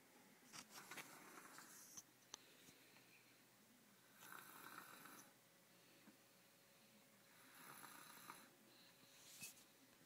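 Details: Faint, breathy snoring noises recurring every few seconds over quiet room noise and a low hum; soft snoring.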